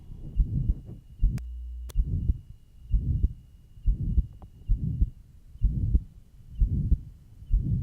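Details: 1955 Johns Hopkins heart sound lab recording, pure pulmonary stenosis, at third left intercostal space beside sternum: regular heartbeat near 64 a minute, rough systolic murmur and faint diastolic whisp.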